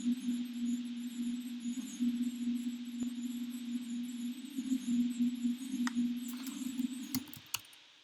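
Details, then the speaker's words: Sonified heart-rate trace from a person with sleep apnea, long time series played back much faster: steady low electronic tone with wavering pitch, fluctuating as breathing turns on and off and the heartbeat fluctuates. "And then this is someone that has sleep apnea. So this fluctuating up and down is because the breathing is on and off, and associated with that is the heartbeat keeps on fluctuating."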